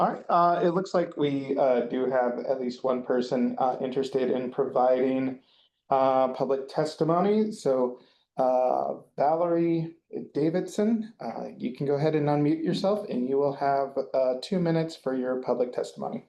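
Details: Adult man speaking; normal voice.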